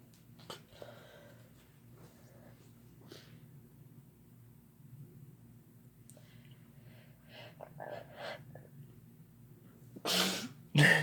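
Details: Quiet room with faint breaths and sniffs, then two loud explosive sneezes; people sneezing together after using chhinkni sneezing powder.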